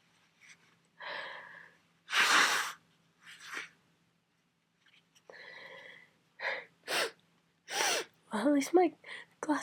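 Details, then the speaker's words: Several forceful sneezes in quick succession, each with a sharp inhaled catch before the burst, then brief vocal sounds; sneezes about 32 to 36 in a long run of repeated sneezing with a cold. "that's 32 I think it's getting hard to keep track to sneeze I'm what I on [Applause] 34 34 36 I cannot stop I'm going to see"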